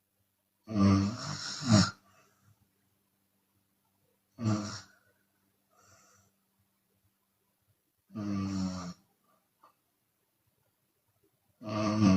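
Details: Chinese woman snoring with open mouth, sometimes on the exhale: loud, harsh snores about every four seconds, around 16 a minute, with quiet breathing between; open-mouth snoring.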